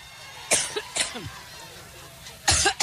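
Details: A woman coughing during a Labor Day 2016 rally speech in Cleveland: three harsh, dry cough bursts in quick succession with a throat-clearing quality, a short coughing fit; she attributes it to allergies.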